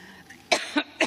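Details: Three short, dry coughs in quick succession after a quiet pause, part of an adult woman's coughing fit during a commencement speech, which she blamed on allergy.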